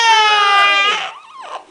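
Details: Infant with hiccups, held on someone's shoulder (gas is thought to be involved): a sustained, high-pitched wail trailing off into a softer whimper; ordinary infant cry.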